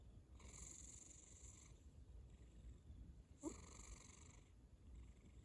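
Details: Cat snoring: a sleeping cat gives soft, rhythmic, rumbling snores with a faint whistle on each breath.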